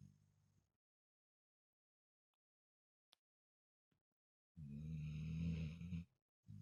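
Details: Pet snoring: a long rumbling snore after a silent pause, with another snore starting at the end, while the pet sleeps.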